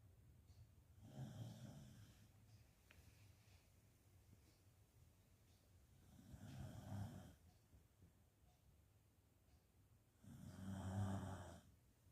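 Three soft, low rumbling snores spaced about 4 to 5 seconds apart, roughly 14 breaths a minute, in a quiet room.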